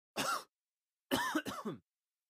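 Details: Male cough, sound effect.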